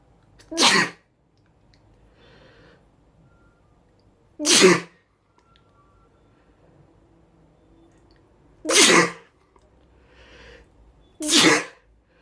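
Four sharp, explosive sneezes spaced a few seconds apart, with soft sniffing between them in a quiet room.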